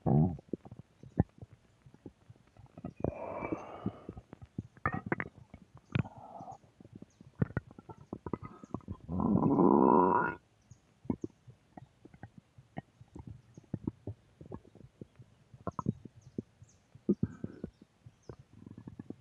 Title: Stomach Growl Audio 4